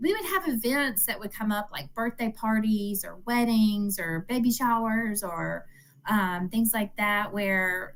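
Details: Adult woman speaking; Normal speech.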